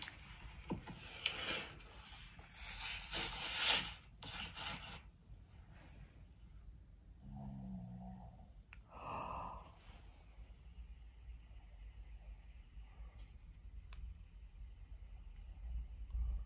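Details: Adult woman snoring, recorded at home by her partner: several loud, harsh rasping snorts, then quieter breathing and a brief low tonal sound.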